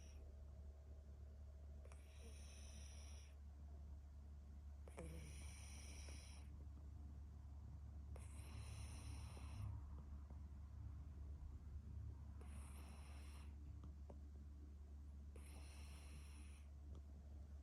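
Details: Himalayan/Persian cat asleep, with slow, regular rasping snores, about five in seventeen seconds, over a steady low room hum; snoring.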